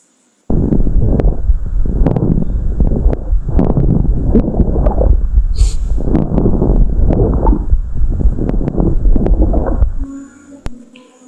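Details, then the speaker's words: Teaching audio from a heart failure lecture: rough, rustling breath sounds with scattered crackling pops, described as like velcro pulling apart; crackles (rales). "es un crépito y el extractor es como cuando tenemos un velcro ra y son esos esos esos roses que hay adentro."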